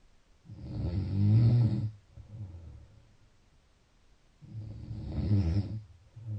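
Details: Two loud, low, rattling snores on the in-breaths with quieter out-breaths between, about four seconds apart; snoring.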